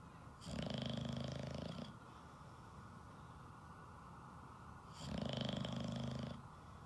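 Two loud, rattling snores about four seconds apart, each a long buzzing rumble on the in-breath. Heavy snoring.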